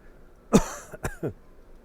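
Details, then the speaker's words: An adult's brief, mild cough, one firm burst then two softer, shorter ones in a quiet room, which the person calls a little cough; cough. "see that little cough what do you think so I call so I called my doctor I don't even know who my doctor is it's got a little cough there did you hear that"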